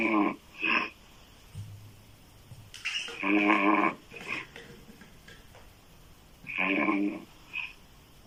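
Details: Woman's loud, harsh open-mouth snoring, described as sounding like a man's, recurring every few seconds with snorting breath sounds in a quiet room; heavy snoring.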